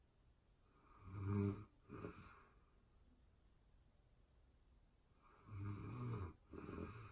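Two harsh, rattling snores on inhaling, each followed by a softer second sound, with a quiet pause between; ordinary sleep snoring.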